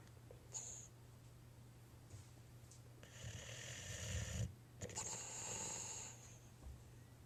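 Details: Snoring in Hank, a sleeping boxer dog: loud, rattling, honking snores like Big Bird; owner says this usually happens right before he barks.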